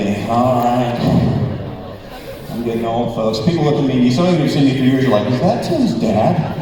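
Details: Spasmodic dysphonia, an incurable vocal disorder in an adult man, beginning at the height of his career and worsening progressively until his voice was gone despite vocal coaches and voice doctors.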